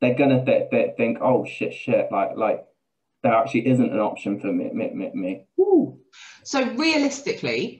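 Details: Adult man with Tourette syndrome; repeated words and syllables (palilalia-like); vocal tics with word and syllable repetitions (Tourette syndrome).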